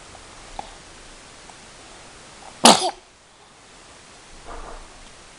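A single short, sharp infant sneeze against quiet room noise, followed by a soft vocal sound.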